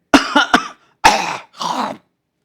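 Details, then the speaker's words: Imitated throat-clearing cough of upper airway cough syndrome, from phlegm dripping back from the adenoids or nasal area to irritate the pharynx: short bursts of throat clearing and harsh coughs. "you as if no you're clearing the throat. This is type what you get in upper airway cough syndrome."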